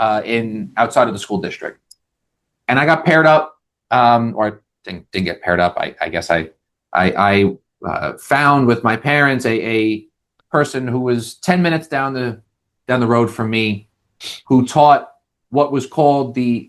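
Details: Adult male with lifelong stuttering showing as vocal-cord blocks, managed with speech techniques such as airflow technique; this stretch has repeated words.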